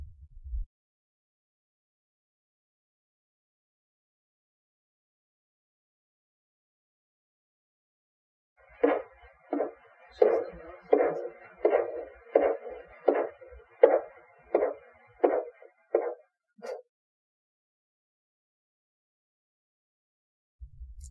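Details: Manual blood pressure practice clip: Korotkoff thumps heard through stethoscope while watching the pressure gauge to note systolic and diastolic pressure; Korotkoff sounds.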